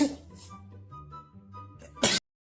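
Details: Sneeze clip from a compilation: soft background music, then a short intake and one sharp, explosive sneeze, cut off abruptly.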